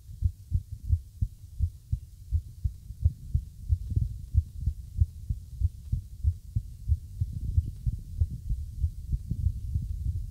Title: Irregular Heartbeat